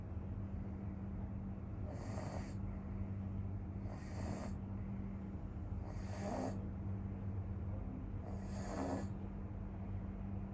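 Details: Two friends in deep sleep, one a pug dog, snoring: four regular hissing snore breaths about every two seconds over a steady low rumble.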